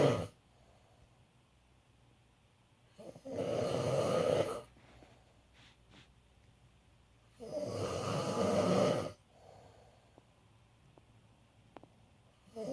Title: Dad Snoring